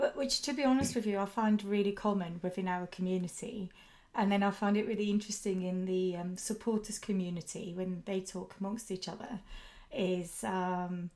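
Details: Adult woman speaking; typical speech.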